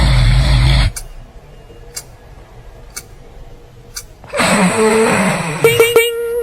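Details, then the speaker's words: Loud rough snore, then about three seconds of near silence, then a noisy snorting resumption of breathing: snoring with a breathing pause, the pattern presented as needing a doctor (possible sleep apnea). "This is when you need to see a doctor."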